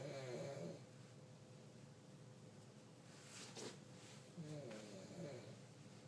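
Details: Grandmother snoring loudly enough to keep others awake: two low, rough, fluttering breath sounds separated by a pause, in a quiet room.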